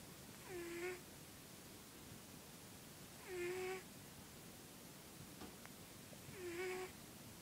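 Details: Brief, soft, whistling-nasal snores about every three seconds, around 20 a minute, over steady room hiss: a cat snoring.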